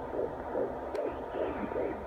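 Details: Fetal heartbeat at 16 weeks of pregnancy on Doppler: rapid, regular whooshing pulses, about 150 beats a minute.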